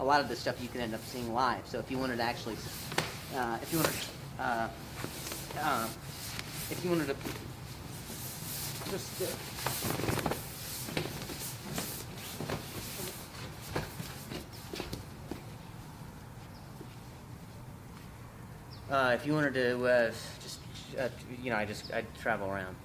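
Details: Real stuttering in an adult male stand-up comedian who describes it as a very mild speech impediment; repetitions of words and phrases are heard during the set.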